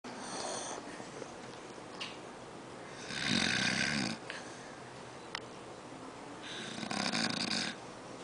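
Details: Old man sleeping: two rough, fluttering snores on in-breaths a few seconds apart, quiet breathing between; snoring.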